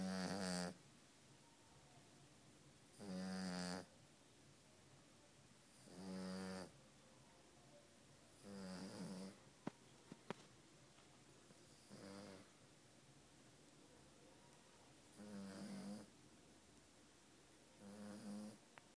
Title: She's snoring